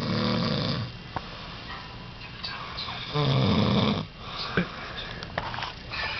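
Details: Drunk man snoring during a power nap: low, rattling snores in a noisy room with some background sounds.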